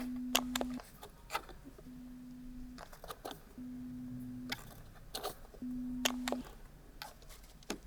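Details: Pure-tone audiometry test tones at near-threshold levels, repeated at 20 then 25 dB, in a hearing test; recorded binaurally.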